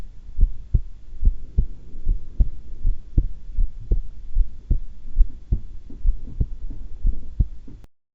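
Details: Heart sounds during a voluntary breath-hold while calm and not excited, breath held twice: steady lub-dub at about 70 per minute with no breath noise; normal heart sounds.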